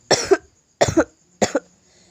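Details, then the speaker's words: Nursing-education demonstration of effective cough: after four to five deep nasal breaths and a 1–2 second breath hold, three short, strong voluntary coughs in a row to clear phlegm. "kemudian angkat bahu dan dada dilonggarkan serta batuk kan dengan kuat dan spontan keluarkan dahak dengan"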